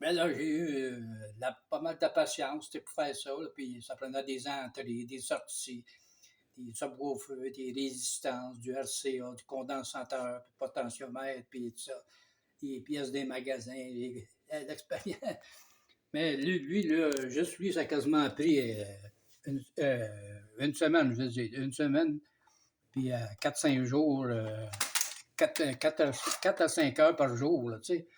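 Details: Man with aphasia for almost 2 years, after an event with 45 days in hospital and loss of speech; starting to talk again but often loses words, with word-finding pauses, repetitions and distorted words; aphasia.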